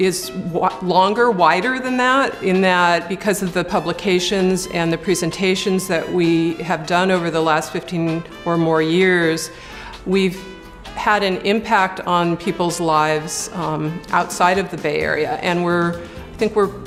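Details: Adult woman speaking; ordinary fluent speech.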